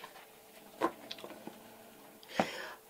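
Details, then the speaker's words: Adult man, the speaker's husband, gives two faint, brief coughs in the background of a quiet room. "vous avez entendu mon mari qui est là et qui tousse."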